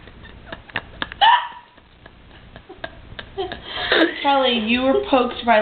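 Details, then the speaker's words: Young woman with hiccups: several abrupt hiccup sounds, then nearby voices and laughter, with a remark about someone having hiccups. "somebody's got the case of the hiccups why are you still recording whoa"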